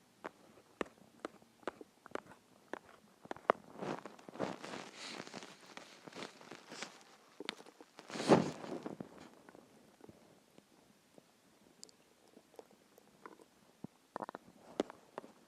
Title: Hungry stomach growls and noises (part 2)